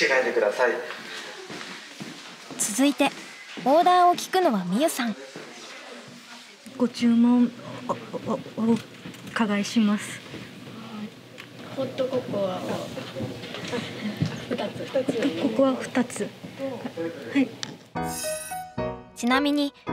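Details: Young Japanese-speaking male student who stutters; stuttering.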